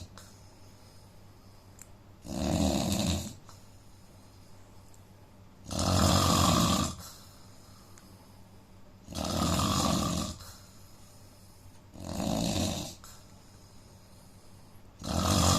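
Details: Indian man snoring in sleep, with a suggested nose problem: loud rough snores on each in-breath, about 18 a minute, with quiet pauses between.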